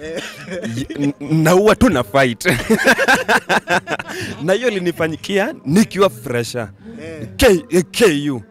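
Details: Adult male comedian who stammers, with onset in class 2 at school; stuttering.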